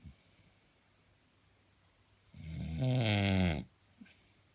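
A single loud, rattling, low-pitched snore lasting about a second in a quiet room, with faint breathing around it; snoring.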